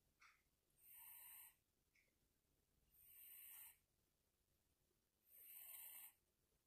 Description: One of our little kittens decided to take a nap on my husband's lap and ended up snoring.